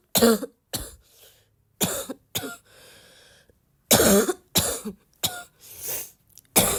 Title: the more I cough, the more I feel like coughing